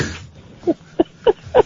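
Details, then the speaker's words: Adult deliberately inducing a burp, with drooling and retching-like effort: four short, throaty gulping bursts, compared by listeners to a cat coughing up a hairball. "That's how I burp. Oh, you sound just like my son. I was going to say, it sounds like a cat coughing up a hairball."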